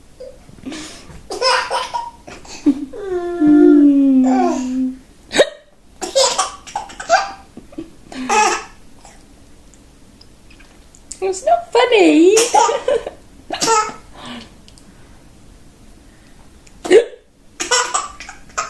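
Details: 9-month-old baby laughs loudly at his mother's hiccups; repeated sharp, abrupt hiccup sounds, each drawing loud infant belly laughter: ordinary adult hiccups.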